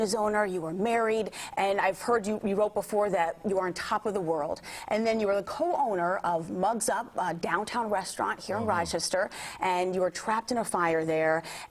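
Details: Adult woman, interviewer; typical speech.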